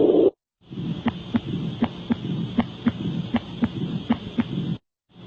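Crisp, regular lub-dub heart sounds at about 79 beats a minute, with no extra sounds or murmurs.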